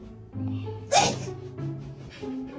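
A single sharp, explosive sneeze amid background music and voices.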